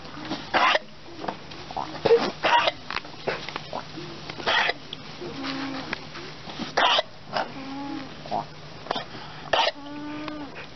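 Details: A goat coughing: repeated short, harsh coughs mixed with occasional bleats over a steady background hum.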